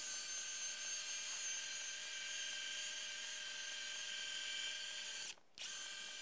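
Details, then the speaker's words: Powered 1.8 mm drill running with a continuous high whining hiss and a brief pause near the end, drilling the glenoid during a cadaveric demonstration of an arthroscopic knotless Bankart shoulder repair. "Now I'm going to come in with our 1.8 millimeter drill, and we'll drill."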